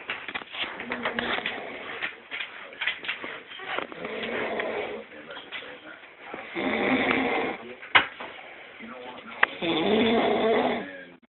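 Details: Sleeping adult woman, girlfriend, snoring loudly and undisturbed by nearby talking: loud, rough snoring breaths in a small room with separate breathing bursts and a few sharp noises; snoring.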